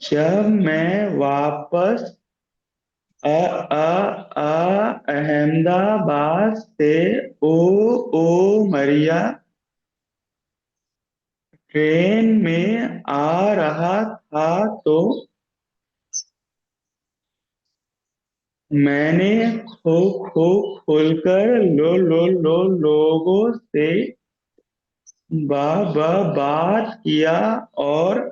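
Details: Man who stammers, speaking in a stammering support group session; part-word repetitions and blocks are heard; stuttering.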